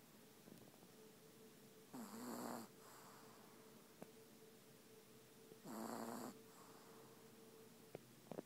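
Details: Sleeping dog: two rough, fluttering snores about four seconds apart over a steady low room hum; ordinary dog snoring.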